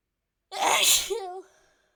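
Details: A single sharp sneeze: a quick breath in, then an explosive hissing burst trailing into a brief voiced tail; sneeze.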